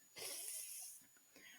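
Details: Acted interdental (frontal) lisp: a speech therapist imitates a child's S error with the tongue too far forward, out of the mouth, contrasted with a correct S.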